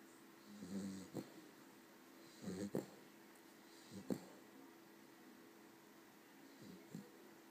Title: Snoring Cavalier